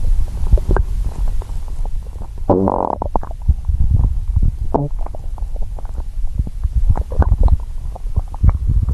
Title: Stomach growl (hungry)